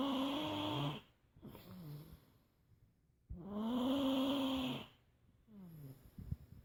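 Loud, drawn-out rattling snores on inhaling with quieter breaths out between them; about two full breath cycles of heavy snoring.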